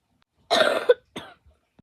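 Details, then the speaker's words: Adult deliberately coughing for a video: one deliberate cough followed by a brief throat clear at ordinary speed; voluntary cough. "Me coughing in every speed for a random video."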